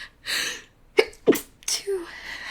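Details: Simulated sneeze-denial clip: a breathy in-breath, then two sharp, partly held-back sneezes and a soft exhale, from someone recovering from illness and unusually sensitive, saying "I don't have to sneeze."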